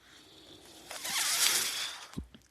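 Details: Mechanical ventilator sound heard during a podcast recording: a hissing rush of air swells and fades over about a second, ending in a soft thump, a ventilator delivering a breath.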